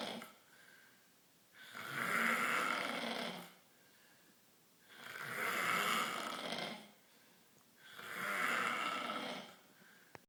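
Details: Black male asleep: three long, rough inspiratory snores, about 19 a minute, with quiet pauses between; ordinary snoring.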